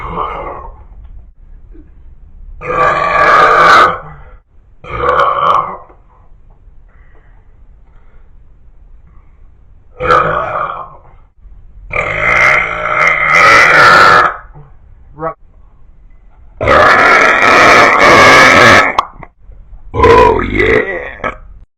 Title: Insane Beer Burps Part 2 #shorts